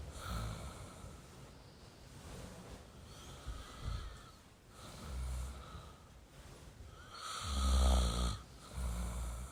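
Low, rumbling snores on the in-breaths, the loudest near the end, with faint room hiss behind; adult snoring.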